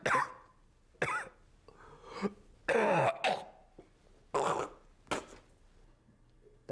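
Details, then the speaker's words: Simulated chronic bronchitis cough demonstrated by a man: a run of harsh, wet, rattly coughs with throat clearing, as if bringing up phlegm. "can you demonstrate the cough of chronic bronchitis"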